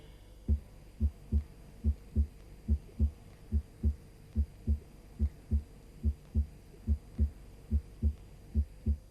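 Steady paired lub-dub heart sounds at about 72 beats a minute, evenly spaced throughout: a normal regular heart rhythm.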